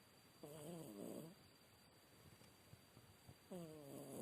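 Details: Sleeping cat snoring: soft, low, fluttering snores on two breaths with a quiet pause between them.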